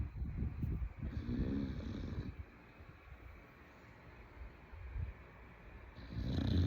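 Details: Sleeping female bulldog snoring: low, rattling snorts on the in-breaths, loud and then fading.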